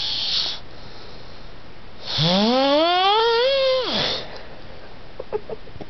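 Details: Adult snoring after beer and pizza: one loud, drawn-out snore rising into a tonal, whistling pitch then dropping off, preceded by a brief breathy sound; heavy snoring.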